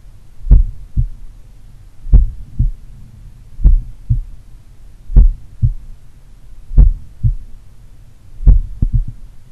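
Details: Self-recorded morning auscultation of a person in regular daily cardio training, taken at pulmonary, Erb's point and mitral sites: slow, regular, clear normal heart sounds at about 38 beats a minute, no added noises.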